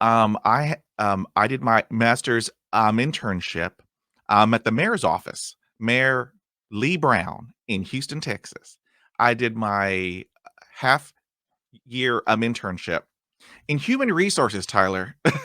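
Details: Conversational speech of an adult podcast host who has stuttered for 35 years; stuttering.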